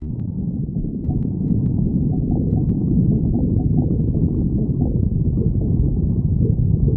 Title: stomach growling 10